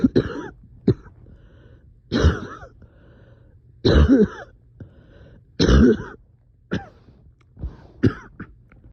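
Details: Coughing fit at 3am with shortness of breath: repeated harsh coughs and throat clearing in about six clustered bursts, with quiet breathing between.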